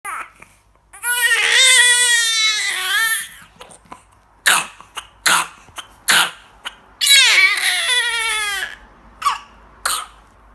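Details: Four-week-old infant with pertussis (whooping cough): strained high-pitched cries broken by short, harsh coughs, with no whoop; a coughing episode.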